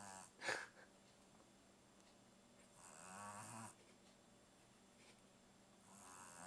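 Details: Sleeping pug Sophie gives rough, fluttering snores with noisy breaths between, about three in the clip.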